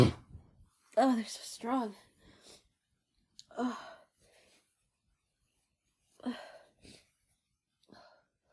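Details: Woman with her first head cold of the year sneezing after using chhinkni (sneezing powder): a few forceful sneezes with voiced gasps between them, then quiet breathing.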